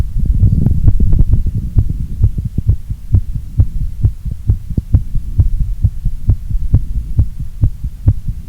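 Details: Heartbeat recorded during a workout: fast, steady, deep thumps at about 130 beats a minute over a low hum. Heart rate raised during exercise.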